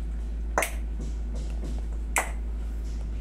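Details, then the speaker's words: Two sharp, loud cracks from an older man's knee as it moves, which the massage practitioner attributes to lost joint spacing with bone rubbing; no X-ray done; knee crepitus (joint cracking). "pero pag yan Wala ng distance sayad ng buto niyan malakas talaga lagutok nian tapos katagalan yan syempre mapupudpod mananakit yung tuhod niyo"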